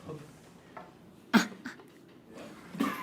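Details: Adult voluntary cough: two short, sharp deliberate coughs without distress, from a game of recognizing group members by their cough sounds.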